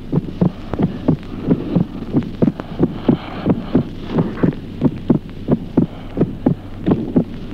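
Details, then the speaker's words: Teaching recording of heart sounds, listed among diastolic gallop rhythms: a split second heart sound, S2 dividing into two close components during only one phase. The phase is unclear in the transcript. The rhythm is regular at about 90 per minute. "ejemplo démo desdoblamiento del segundo ruido cardíaco solo durante se verifica la distribución del segundo ruido en dos componentes sonoros"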